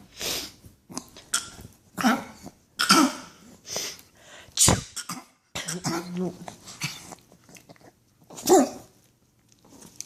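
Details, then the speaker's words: Dog sneezing: repeated short, sharp nasal bursts with snorts between; the owner says the dog gets mad whenever the owner sneezes, then sneezes itself. "And then you sneeze. I didn't get mad when you sneezed."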